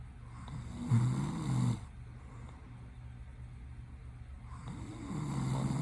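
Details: Adult male asleep, opening his eyes while sleeping, gives two loud, low rattling inhaled snores about four seconds apart with quiet breathing between; snoring.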